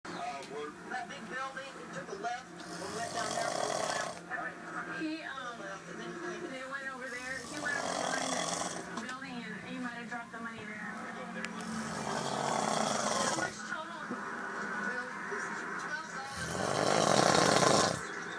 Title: My dad snoring after a long day of hunting